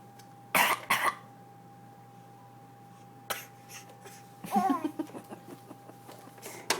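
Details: Infant girl gives two quick, sharp cough bursts when asked to fake cough, a deliberate voluntary cough rather than illness; she has learned coughing gets attention.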